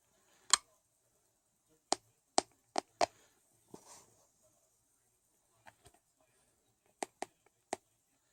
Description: Recorded while i was sleeping, bad teeth grinding